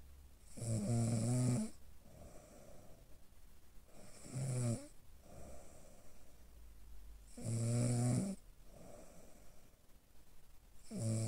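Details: Loud, rough snores on each breath in, about 18 a minute, with quieter breathing between, recorded by a smartphone sleep-monitoring app in a patient evaluated for obstructive sleep apnea; snoring.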